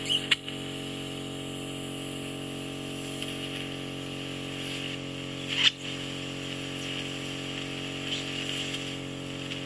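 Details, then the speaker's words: Woman in her 90s, bedbound and hard of hearing with completely blocked ears, after oil and eardrops softened the wax: steady suction hiss with low hum and brief sharp slurps as a thin wax layer is suctioned up; ear wax microsuction. "The oil has brought that incredibly thin layer right to the surface and allowed it to be suctioned up so easily."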